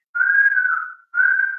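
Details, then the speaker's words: Child with cough: steady high whistling tone like a pressure-cooker whistle in two long stretches with breathing, audible from a distance, distinct from chest rattle; wheeze. "there may be a whistling sound which you as a parents may listen, and वो whistling sound even आप शायद थोड़ा दूर खड़े होंगे तो भी वो आवाज आएगी, और वो चेस्ट में खड़खड़ से अलग होगी।"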